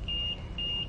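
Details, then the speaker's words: Two steady high-pitched electronic beeps from an LTV 950 ventilator on a test lung in CPAP mode: the apnea alarm after no breath for the set 10-second interval, entering apnea backup mode. "can see and here since no breath was triggered or given for ten seconds the ventilator went into the apnea back up mode"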